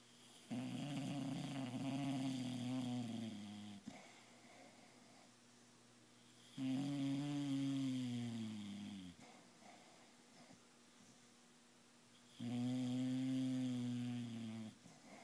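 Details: Snoring: three long, loud, buzzing snores about six seconds apart, roughly ten breaths a minute, with quiet gaps between; typical sleep snoring.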